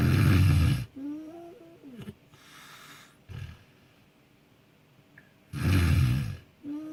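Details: A friend, filmed secretly while sleeping and uploaded with consent, gives very loud, harsh snores alternating with whistling, squeaky breath noises and short snorts; an unusually varied snoring pattern.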